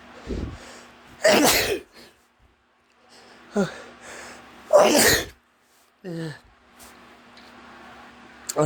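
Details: Two loud, explosive sneezes, each after a quick indrawn breath, with brief vocal sounds between, set off by dust while packing to move to a new place; sneezing.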